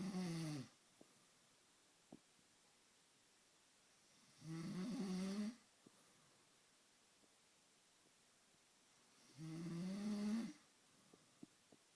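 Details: Slow, regular snoring about every five seconds, roughly 12 a minute, each a rough, droning sound on breathing in, with quiet pauses between.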